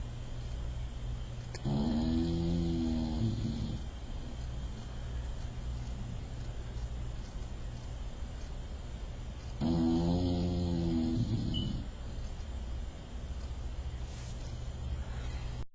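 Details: Female bulldog in full-on snore: two long, gurgling, grunting snores separated by about six seconds of noisy breathing.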